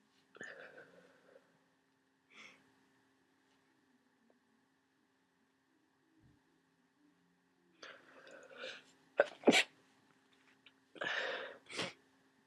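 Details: Several wet, stuffy sneezes with short breathy catches between them, the loudest near the end, from a person with the flu and nasal congestion; sneeze.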